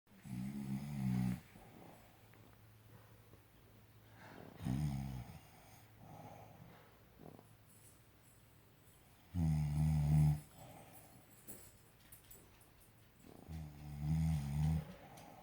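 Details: Slow, deep, rumbling snores at about thirteen breaths a minute, with quiet pauses between them; snoring.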